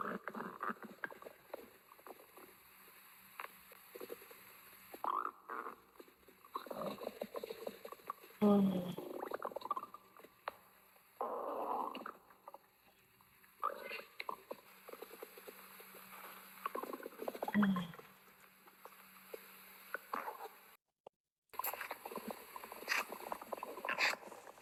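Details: Irregular gurgling and rumbling bursts of stomach growling (borborygmi) after eating a large meal, while the person feels sleepy and sweaty and massages the belly.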